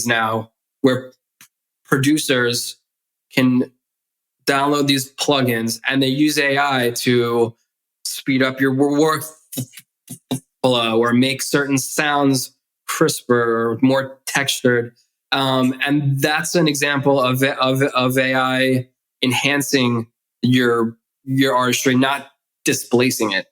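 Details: Adult man who has stuttered since childhood; stuttering.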